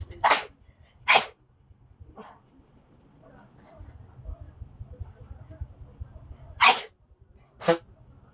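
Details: Repeated sneezing in a person with cold and dust allergy who says such bouts recur every 2–3 days with dust or cold: four sharp explosive sneezes in two pairs, quiet room noise between.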